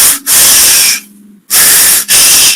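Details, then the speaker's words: Imitated normal laryngotracheal (laryngeal) breath sound, as heard with a stethoscope on the neck over the larynx, taught in a respiratory semiology class; harsh hollow blowing with inspiration and expiration equally long. "sea tan larga la rama de la inspiración como la expiración Y eso le llaman estridor laringo o sopl laringeos es normal"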